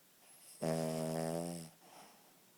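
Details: A sleeping King Charles Spaniel dog snoring: one loud, buzzing snore on a breath lasting about a second, then a soft breath out.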